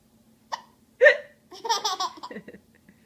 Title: hiccup and giggles 1